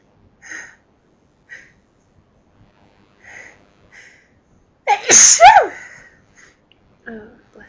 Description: forceful sneeze fit which felt incredible - louder than normal sneezes